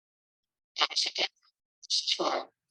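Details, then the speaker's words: Cochlear implant simulation of the sentence "la bicicleta es azul" in the absence of noise; buzzy, hissy processed speech, yet the sentence remains roughly recognizable. "Sí sí se escucha más o menos uno puede identificar la oración la bicicleta es azul claramente en ausencia de ruido"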